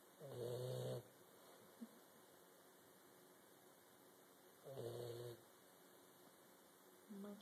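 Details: Two low, buzzing, throaty snores about four seconds apart with quiet pauses between; snoring during sleep.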